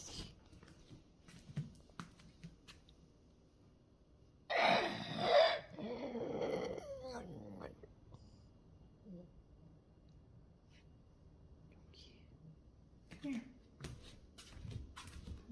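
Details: A cat with stridor of unknown cause gives one loud, harsh, noisy breath with a high whistling edge.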